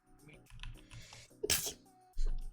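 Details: Single quick, hissing sneeze from a cat, with soft background sounds and a low hum.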